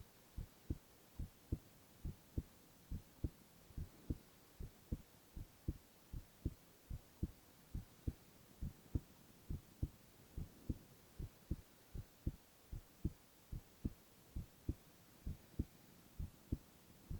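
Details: Male (boy) heart sounds in a silent, no-talking ASMR recording: soft low thumps repeating evenly throughout over a faint hum; steady, regular heartbeat.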